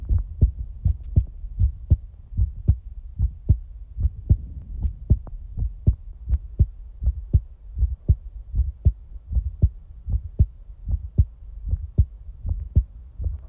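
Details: Real-time heartbeat ASMR recording: steady, low, paired heartbeat thumps in a regular rhythm at about 78 beats a minute with no added sounds; a normal heartbeat.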